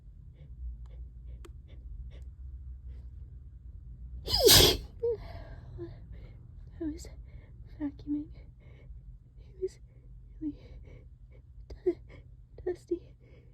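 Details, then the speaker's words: Allergic sneezing while cleaning a trap, which reliably triggers sneezing fits: one loud, explosive sneeze after a sharp intake, then quiet sniffs and small sounds. "Can't stop sneezing. Oh, that was so loud. This always happens whenever whenever I clean the trap."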